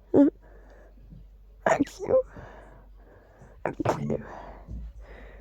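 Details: Itchy, repeated sneezing attributed to dust: several sharp sneeze bursts in quick succession with breathy sounds between them, in a small room.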